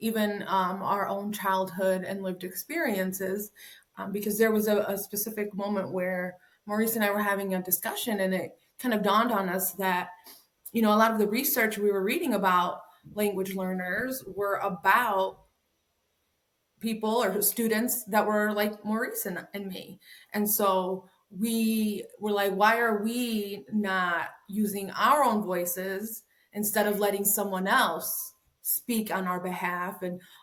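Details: Adult woman speaking; normal speech.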